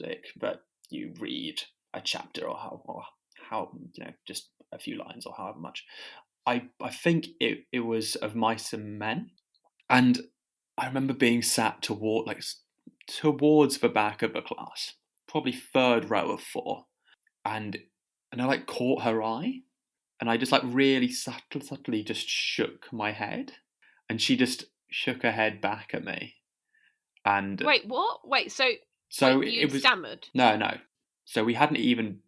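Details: Adult podcast host who stammers, speaking about stammering at school; stammering.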